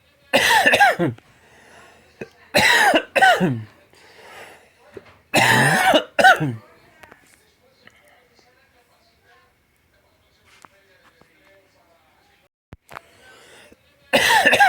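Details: About seven short, harsh coughs in paired bursts, with no rattle or wetness; a dry, non-productive cough.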